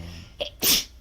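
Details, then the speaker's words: Girl sneezing: a single quick sneeze, a short intake of breath followed by a sharp, hissing burst. "Sneezing's quite a big distraction, isn't it?"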